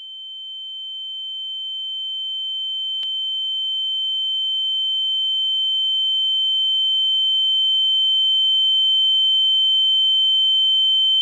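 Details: Simulated tinnitus ear-ringing sound effect: a steady high-pitched pure tone slowly growing louder, with a brief click early on.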